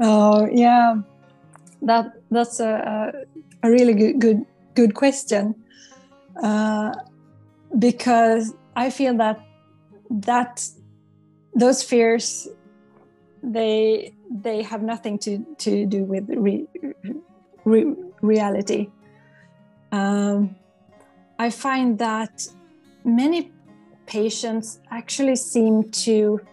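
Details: Stuttering in an adult psychologist who stutters and has worked with a stuttering coach, with audible word repetitions.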